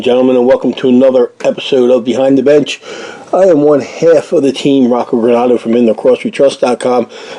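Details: Adult male speaker; Normal voice.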